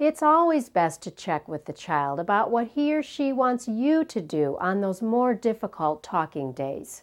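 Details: Adult woman, narrator; normal speech.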